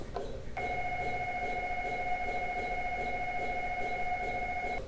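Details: Simulated MRI scan in a wooden practice scanner: a loud, steady electronic tone holds for several seconds over room noise, imitating MRI scanning sounds.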